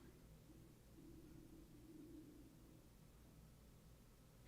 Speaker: That noise would be my stomach growling if you heard that.